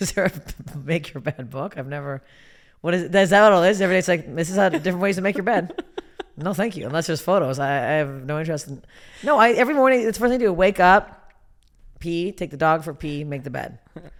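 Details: Adult woman speaking; typical speech.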